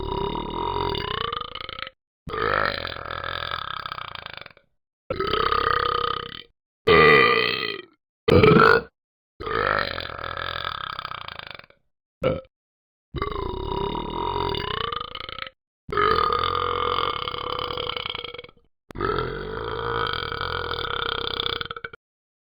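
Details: Animated character from the Talking Ben the Dog app, simulated: about ten long, deep, rumbling cartoon burps separated by short silences, part of 46 seconds of straight burping.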